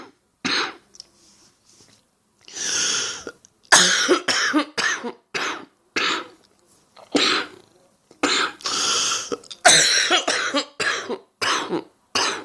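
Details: Adult woman with a heavy cold coughing repeatedly in short bursts and clusters, with some throat clearing.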